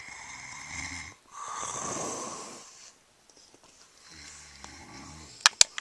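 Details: Person snoring, recorded on a Flip Video camera: hissing, wheezy snoring breaths with a rougher snore between them, then quieter breathing and a few sharp clicks.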